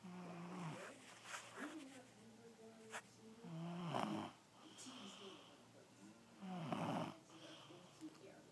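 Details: Sleeping child (stepson) snoring: rhythmic low vibrating rumble with each breath at about 21 breaths a minute, in a quiet room.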